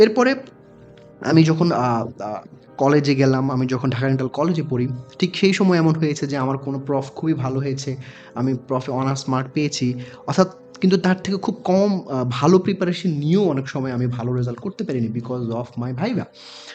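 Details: Adult man who has stammered since early childhood, severely by his own account; blocks on words, sound repetitions, prolonged word attempts, persistent difficulty producing p and b sounds; stuttering.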